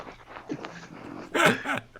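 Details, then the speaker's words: A brief, loud, fluttering snorting burst over faint room noise from Frank, a dog sleeping after a long walk, at first mistaken for someone rubbing a microphone; snoring. "I thought someone was rubbing up on their mic. I was like, hey, someone's hitting their mic, but then I realized it's Frank snoring."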